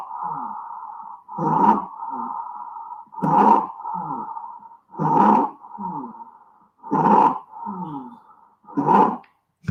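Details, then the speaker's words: Harsh, high-pitched crowing breaths about 31 a minute, an EMS teaching stridor recording from upper airway obstruction. "all right that's one and this is another strider [Music] you can hear it's a little more high pitched right and it sounds very similar to wheezing"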